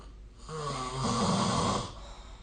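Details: Human snoring recorded with the SnoreLab app: a single loud, rattling snore on an in-breath, about a second and a half long, rising from quiet room noise.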